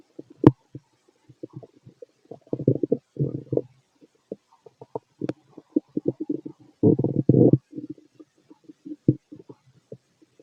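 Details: Bowel sounds of a fit male heard over the abdomen through a stethoscope during digestion of pastry, chicken, curry, bread, milk, eggs and pasta: irregular gurgles and short rumbling bursts, ordinary bowel sounds.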